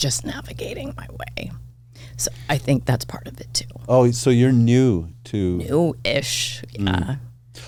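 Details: Adult woman with spasmodic dysphonia diagnosed this year, involving vocal cord spasms; she attributes it partly to voice overuse from podcast hosting and to stress, and it seems to be occurring during this real recorded interview: spasmodic dysphonia.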